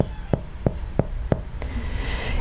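Four or five evenly spaced, hollow-sounding finger taps on the chest, giving a resonant percussion note over normal air-filled lung.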